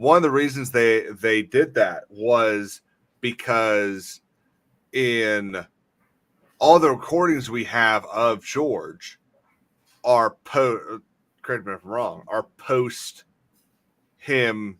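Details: Adult male who says he has a speech impediment, a stutter, and formerly avoided talking out of fear; stuttering.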